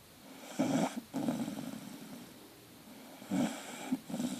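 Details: Staffy puppy asleep and dreaming: soft, rumbling, purring snores, two clear breaths in about four seconds; ordinary snoring.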